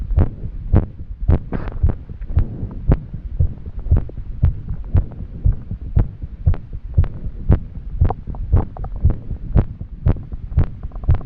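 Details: Woman after exercise with difficulty catching her breath: fast, pounding heartbeat about 118 per minute with slightly uneven spacing, an irregular rhythm (arrhythmia).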